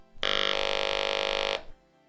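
A steady, harsh mechanical buzz runs about one and a half seconds with no speech, the excessive buzzy tone of an electrolarynx with a worn foam ring.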